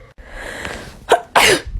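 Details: Garlic-induced sneezing after putting garlic in the nose, with the eyes watering: a quick inward catch of breath, then one loud explosive sneeze.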